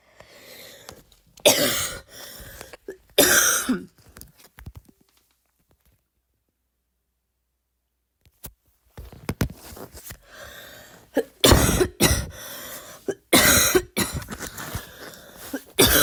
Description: here is some more barking, i know it's not the best, i can never achieve that barks the cool people get, but i tried